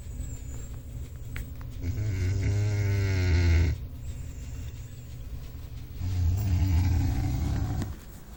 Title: Big cat snoring